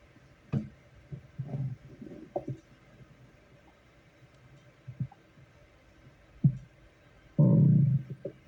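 Low gurgling rumbles and brief squelches from an adult's stomach, ending in a longer growl; ordinary bowel sounds.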